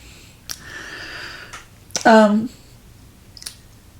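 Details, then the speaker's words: Adult man (husband) sneezing: a single loud voiced sneeze burst, a few faint clicks in a quiet room; sneeze. "did you guys hear that that was my husband sneezing there it goes again"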